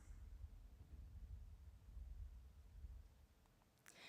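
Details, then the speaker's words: Normal heartbeat recorded with an in-ear microphone at the ear: soft, regular low thumps with rhythmic heartbeat cycles, roughly 70–75 beats a minute. "To test this, we first took a measurement using an in-ear microphone at the ear, and the recording is like this. You can see that there are these rhythmic cycles that correspond to a heartbeat. And you can even hear the sounds."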